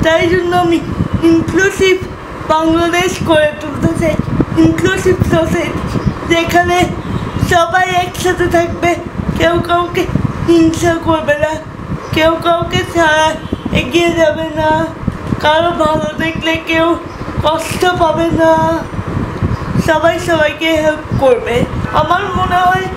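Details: 19-year-old woman with cerebral palsy known since just after birth; speaking is very difficult for her; uses a wheelchair and cannot use her hands or legs; dysarthria (cerebral palsy).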